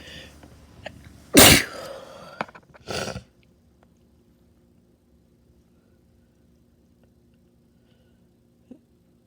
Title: Wet spray sneezes on cd